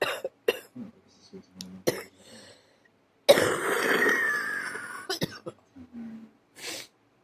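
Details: Adult with a bad cough: several short, harsh coughs with throat clearing, irregularly spaced, plus one longer rough expiratory burst.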